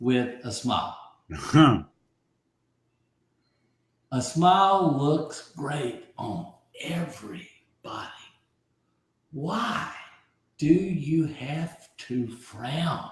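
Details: Aphasia following a stroke about 15 months earlier in an adult man; early on others could not understand him at all, and his vocabulary has since grown by over 20,000 words; aphasia.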